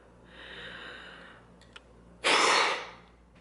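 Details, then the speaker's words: Peak flow meter demonstration by an adult with past cold- and exercise-induced asthma, now having chest pain and breathing issues: a deep breath in, then one hard, fast blast out, giving a resting baseline of 450. "You empty your air, take a deep breath in, and blow as hard and fast as you can. And that's how you get your number."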